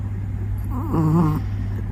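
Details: A short, whistly, wavering snore from a sleeping puppy over a steady low hum.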